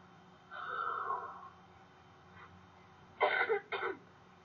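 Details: Huff cough airway clearance technique demonstrated for cystic fibrosis, done sitting up straight with the chin up: a slow breath out, then two short, forceful open-mouthed bursts of air to move mucus.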